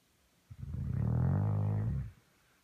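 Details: Dog snoring on a bed: a single loud, low, rumbling snore lasting about a second and a half, with a rough, vibrating quality.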